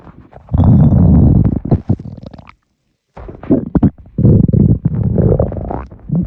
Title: Swallowing air stomach rumbles